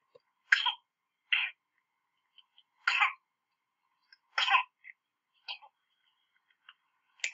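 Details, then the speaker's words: Baby with whooping cough (pertussis): repeated short, harsh paroxysmal coughs in a quiet room with brief gaps, leaving too little time to get air, worsening as it goes. "So you can see this is a persistent cough, and the baby just never really seems to have enough time to get enough air. And the cough just gets worse and worse."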